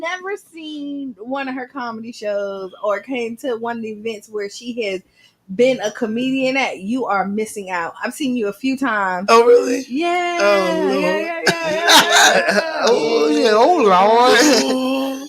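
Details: Adult woman speaking, with a second speaker; ordinary speech.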